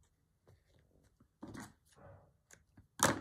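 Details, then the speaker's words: Several short, rough, hacking coughing bursts from a sick pet dog in a quiet room. "Oh, poor bandit. Hear that cough?"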